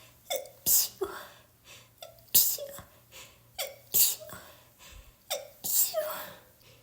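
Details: Person with a cold, sneezing constantly, sneezes self-induced for relief: four sneezes in quick succession, each with a sharp intake and explosive burst; repeated sneezing with a head cold.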